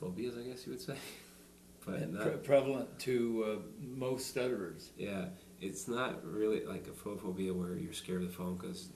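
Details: Adult man who stutters, recorded during a demonstration of the SingRite anti-stuttering device, unclear whether the device is in use here; stuttering.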